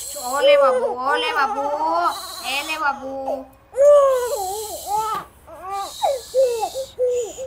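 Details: Baby girl crying while having her ears pierced: loud, wavering high-pitched repeated wails with short catches of breath, a cry of pain or upset.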